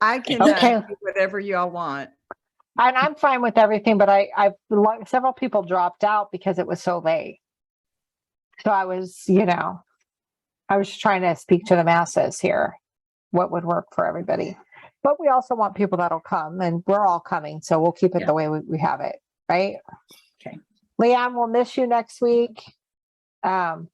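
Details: Adult woman speaking, likely over a call; Normal conversational speech.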